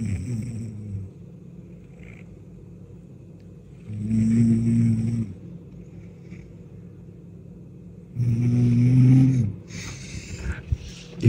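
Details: Sleeping wife snoring, recorded by her husband lying beside her: loud, low, rumbling snores recurring about every four seconds with quiet pauses between.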